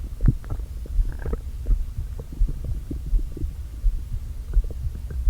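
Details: Stomach noises after not eating all day, with the stomach deliberately inflated a little: low hollow empty-sounding groans and gurgles with air pushed back and forth; borborygmi.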